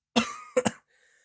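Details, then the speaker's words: An adult still recovering from an illness coughs while speaking, with a hoarse voice. Cough. "excuse me I might I might have some issues today I'm still recovering from my sickness so apologies if I sound a little bit hoarse"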